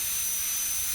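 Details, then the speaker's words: High-speed air-driven dental handpiece with burr run slowly for mesial proximal reduction of a primary molar on a typhodont model, stainless steel crown preparation, avoiding nicking the adjacent tooth: steady high-pitched whine and hiss. "As you can see, I am running the burr very slowly, taking care not to touch the adjacent tooth."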